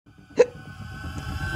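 A single sharp, short hiccup over background music.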